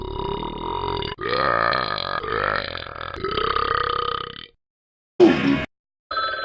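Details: A person burps right after drinking: a long, loud, rumbling belch in several voiced pulses lasting about four seconds, then short bursts.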